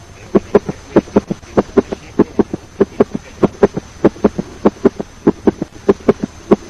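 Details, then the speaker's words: S3 gallop (ventricular or protodiastolic gallop) with a fast heart rate, signifying a failing heart; pathological after age 30 to 35. "If the heart rate is fast, it will be heard as a S3 gallop, also known as ventricular gallop or protodiastolic gallop."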